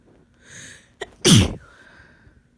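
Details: Person sick with a cold: a quick inward breath, then one loud explosive sneeze. Single sneeze.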